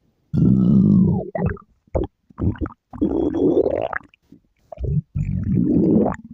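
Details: Girl's stomach growling: loud, drawn-out gurgling rumbles with shorter bursts between.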